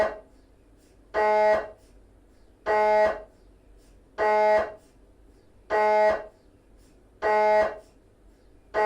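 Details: Repeated loud tonal beeping bursts, each about half a second, roughly 39 a minute with quiet gaps: GE 3T MRI scanner running a T2 sequence during a petrous bone (Felsenbein) exam.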